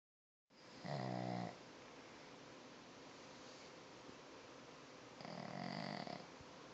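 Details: Sleeping one-eyed Boston Terrier gives two low, buzzing, rattly snores a few seconds apart, with quiet steady breathing and faint room hiss between; snoring.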